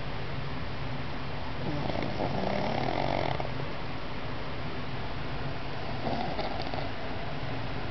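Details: Nephew snoring in sleep, loud enough to need ear plugs: steady low rumble with rough, fluttering snores swelling through it over constant background noise.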